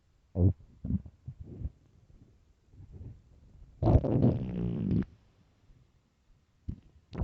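Short gurgles, then a long drawn-out growl and a few soft pops: stomach growling on an empty stomach, normal bowel sounds.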